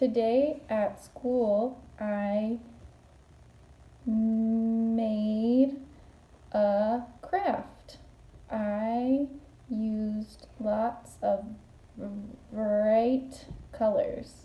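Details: Stuttering in a female client practising fluency-shaping easy onset ('turtle talk') during a role-played phone call.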